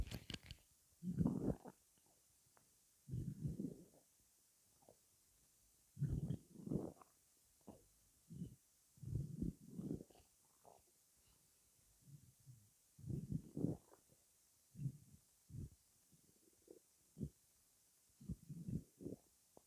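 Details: Weird-sounding stomach rumbling: repeated low gurgling rumbles and squelches in irregular bursts over about twenty seconds; ordinary bowel sounds.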